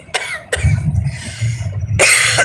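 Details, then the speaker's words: Adult with a mild COVID-19 infection, taking Tylenol and Mucinex, gives about three short coughs over the low rumble of a moving vehicle. "that the covid cough and we are taking some meds for the symptoms so you know like Tylenol here we go and uh Mucinex to help dry up the phlegm and stuff"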